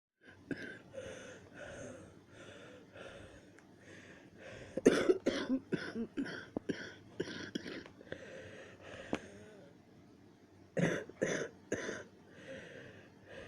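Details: Repeated short, sharp coughing bursts in clusters, some with throat-clearing and sneeze-like sounds; the person was coughing hard and sneezing and felt close to choking. Bouts of coughing.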